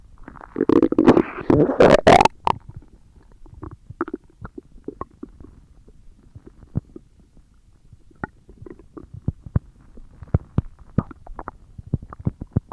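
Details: ASMR recording of stomach growling: a loud gurgling rumble, then many quick pops and bubbling clicks from gas and fluid moving through the gut; borborygmi.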